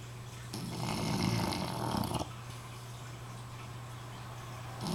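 One long rattling, fluttering breath against a steady low hum, typical of a snore.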